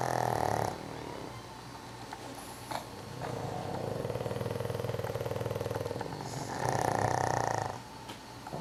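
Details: Several pugs sleeping together on a couch: overlapping rattling, grunting snores, louder bursts rising over a steady low snuffling drone; snoring.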